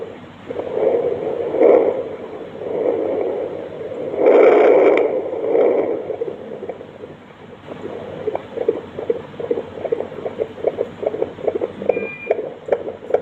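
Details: Fetal heart sounds on Doppler: whooshing, then a fast, regular galloping fetal heartbeat, normal for a baby in the womb.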